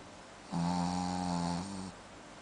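A single drawn-out, buzzing, rumbling breath of about a second and a half in a quiet room. Snoring.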